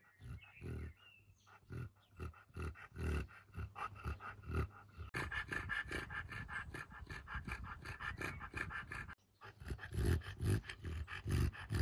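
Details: English bulldog breathing: noisy breathing typical of a brachycephalic dog.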